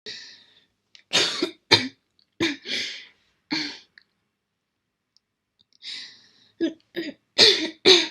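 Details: About ten short, harsh coughs in irregular bursts with brief pauses in a quiet room from a girl; a repeated coughing bout, after which she asks for water.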